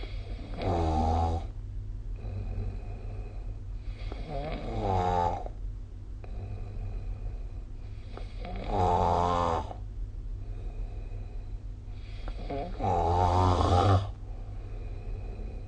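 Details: Snoring recorded during sleep with the SnoreLab app: loud rattling snores on each breath in, about 14 a minute, somewhat irregular, with quieter exhalations and steady room hum.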